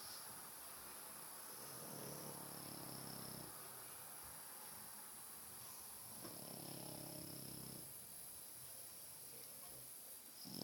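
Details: Loud rattling snores from a sleeping French bulldog, about two breaths heard over ten seconds.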